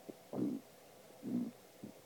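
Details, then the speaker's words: Person's tummy noises: two low, bubbling stomach gurgles with faint clicks between, produced while pushing and sucking in the stomach; she suspects hunger. "this is jess this is my tummy listen i don't think this is healthy doing this"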